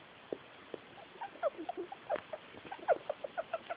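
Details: Pet female rat, about 1 year old, kept on paper bedding, making a series of rapid short squeaky chirps and clicks for a little under a week; owner finds it worrying, a possibly respiratory abnormal vocalization.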